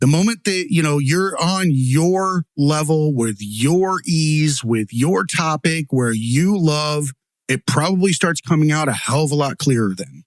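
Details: Adult man speaking; typical speech.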